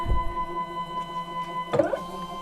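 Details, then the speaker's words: A Merlin small animal ventilator running during a cleaning procedure (expiratory time 2.0, maximum pressure above 15, assist mode off): a steady mechanical hum, with whooshing bursts as air vents from the one-way valve during each in phase. "You'll hear Merlin's cylinder come in and out. During the in phase, you'll hear noise as air comes out of the one-way valve."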